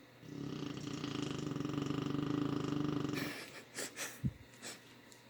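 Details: Dog snoring in the afternoon in a quiet house; the dog does this all the time. One long, loud, rattling, human-like snore on a slow breath, then quieter sniffs and breaths.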